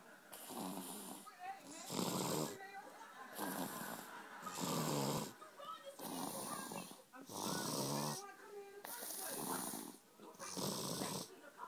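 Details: Young boy asleep, snoring loudly: harsh, rattling snores with noisy breaths out, about 21 breaths a minute; heavy snoring.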